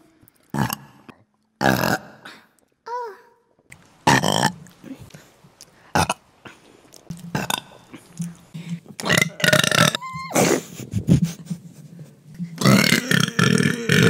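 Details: Female ASMR performer deliberately burping: a series of loud, drawn-out, low rumbling belches separated by short pauses.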